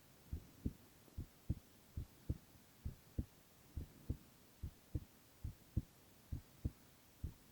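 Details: Silent ASMR recording of a male's continuous heart sounds: steady paired lub-dub beats at about 70 a minute over soft background hiss; regular heartbeat.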